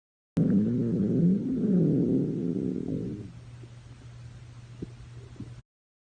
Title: Normal stomach growl 9